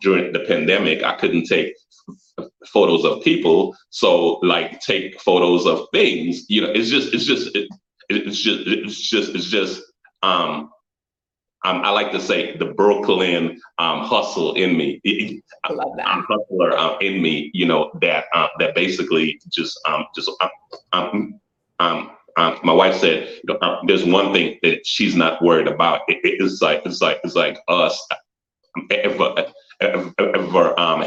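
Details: Adult man who stutters, had always shied away from public speaking and joined a business networking group as a personal challenge to overcome it. Finding: stuttering.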